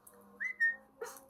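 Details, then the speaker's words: Tourette syndrome, a hard-to-control vocal tic: a brief, sudden high whistle over quiet room noise. "but they do also um as you see in that video she's doing that whistling sound you know it's it's hard to control that"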